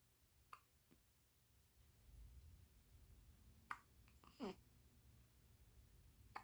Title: newborn baby hiccups 신생아 아기 딸꾹질